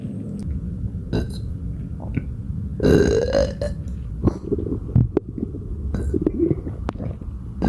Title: Badly bloated non-stop burps for 6 minutes 💓💓💓